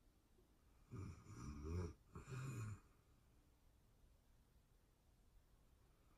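Soft, low rumbling snore on the breath in, then quiet breathing before the next snore begins; faint room hiss.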